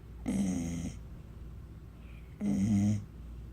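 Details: A dog snoring in its sleep: two loud, low, rattling snores about two seconds apart.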